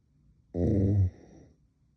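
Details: Adult woman snoring in bed, possible sleep apnea tagged: one loud, low, rattling snore on an in-breath, then quiet.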